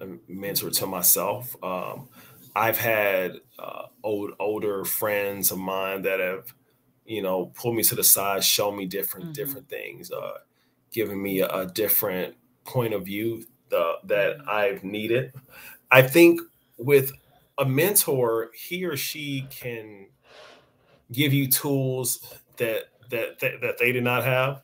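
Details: Adult man with a speech impediment since age five; stuttering.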